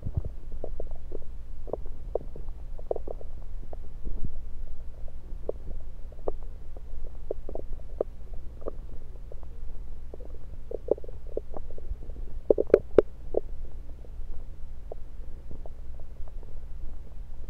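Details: Stethoscope placed at different spots around the belly: low, steady rumbling with scattered soft gurgles and clicks; ordinary bowel sounds.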